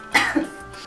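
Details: Single short acted adult cough from a TV cough-syrup commercial in which a wedding party is coughing: a brief, harsh burst over soft background music.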